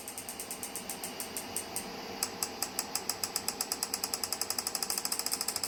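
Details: Physiwave MT685 dual-handle 6T magnetic stimulation physiotherapy device for pain relief, running normally: rapid, regular sharp clicking pulses that speed up to about five to eight per second.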